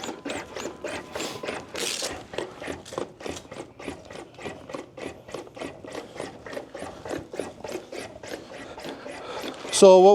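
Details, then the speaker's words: LUCAS mechanical chest compression device used by EMS during hands-only CPR training, working on a CPR training mannequin (simulated): steady, even rasping pumps at about 100 a minute. "This is called our Lucas device, which does perfect compressions for a person."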